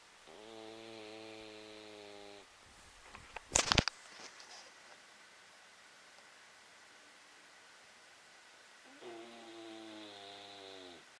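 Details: Beagle snoring: two long, droning, tonal snores with a quiet gap and a brief rustle between; whistling, nasal-sounding snoring.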